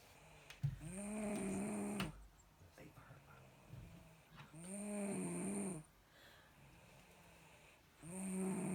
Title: Bristol snoring